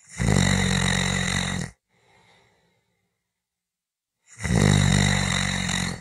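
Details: Short snoring clip: two loud, rough, low rattling snores, each over a second long, separated by a quiet pause; ordinary snoring.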